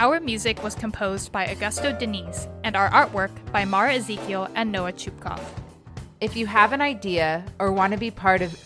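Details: Adult woman; typical speech.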